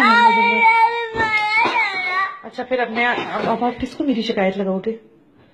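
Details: Loud, strained, sustained wailing with choppy sobbing bursts from an angry crying infant.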